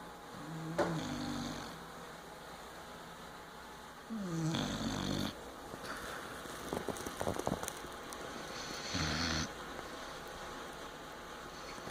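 Rough low snorting snores from a sleeping dog, several irregular bursts with clicks and room noise between; ordinary snoring.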